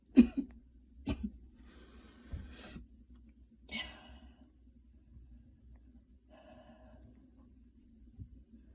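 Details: Light cough after a ~10-minute super fast run in light rain: a few light, short coughs with soft breaths between; mild exercise-related cough.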